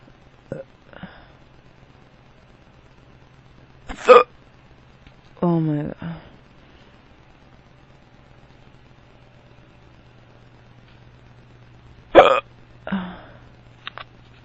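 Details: Sudden sharp gulping hiccups about every eight to ten seconds in a quiet room from a drunk adult man, persisting despite drinking water, with a brief vocal noise in between; hiccups.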